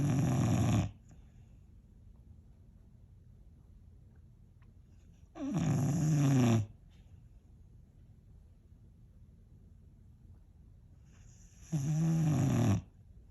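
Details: Boxer dog snoring loudly while asleep: three loud, low rattling snores about six seconds apart, around 10 a minute, with quiet breathing between; the dog stretches between bouts of snoring.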